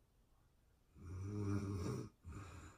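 One long, low, buzzing snore on the in-breath, followed by a shorter, softer one: typical sleep snoring.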